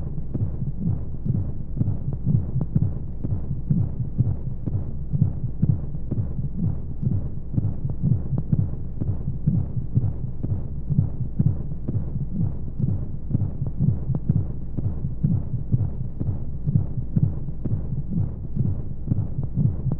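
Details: Womb sound for baby sleep: steady, muffled, low thumps at about 125 a minute beneath a constant rushing white noise and monotonous flowing sounds. Heartbeat.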